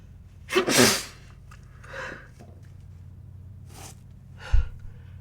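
A loud, wet sneeze with a quick build-up, then fainter breaths and a second smaller sneeze-like burst.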